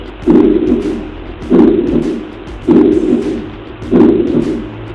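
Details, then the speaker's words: Heart failure with a dilated mitral annulus: a loud, long blowing holosystolic murmur fills each systole and merges with S1, from mitral regurgitation. "lo otro que se nota acá que los ruidos ya no son ruido neto y silencio libre acá te puse un tremendo soplo sistólico fíjense que mire el R1 la el R1 pegado con El choclo"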